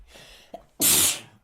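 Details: Sneeze from a girl who says she has a terribly runny nose; sneeze.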